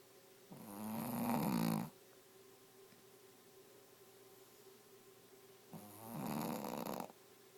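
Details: Pet dog sleeping: two loud, rough, rattling snores on inhaling, a few seconds apart, with quiet between them in a small room; snoring during sleep.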